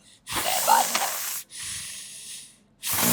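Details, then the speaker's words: Adult man about 2.5 weeks after total laryngectomy for vocal cord cancer, previously given radiation: loud, airy, voiceless hissing breaths through the neck stoma when the finger is lifted off it. "सो क्या है कि हर बार जब भी आप यहाँ उंगली रखेंगे तब आप बात कर सकेंगे. जब उंगली उठा लेंगे तो फिर यहाँ से सांस आना शुरू हो जाएगा."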